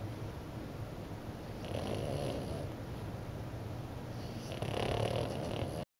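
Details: French bulldog puppy napping in the morning: low, rough snoring breaths, with two louder snorts standing out over steady noisy breathing; snoring.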